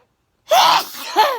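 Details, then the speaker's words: A sneeze while sitting outside in a pavilion: a sharp inhaled catch, then an explosive sneeze burst and a trailing breath. "i'm just spitting out my mouth because i unexpected sneeze but i quickly got my phone cause i was just about to go to bed"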